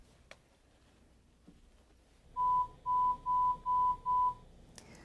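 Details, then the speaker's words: Five short, steady pure-tone beeps in quick succession, then quiet room sound: bone-conduction hearing test tones delivered through a headband in a booth while the patient presses a button on hearing each beep. "I'm going to have you listen to some beeps again, but this time I'm going to put the headband on you, okay? And just repeat, just hit the button like you were with the beeps before, okay?"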